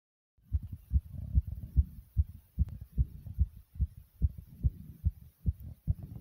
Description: My heart was pounding very hard here.